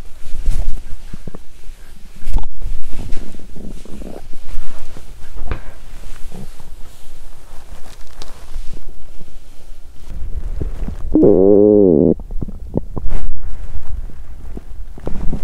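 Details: Loud low gurgling and rumbling with a drawn-out squeaky growl from a belly after exercising on an empty stomach, which made her feel unwell; borborygmi.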